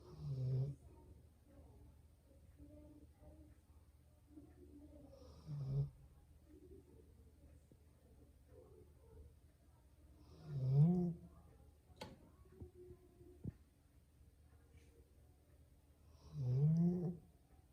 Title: 래브라도 리트리버 코고는 소리 (Labrador’s snoring sound)